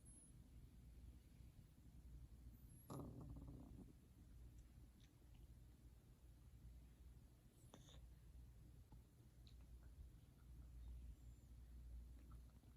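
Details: Savannah cat snoring while asleep: low, steady rumbling snore with one louder snorting burst early on, over quiet indoor room noise.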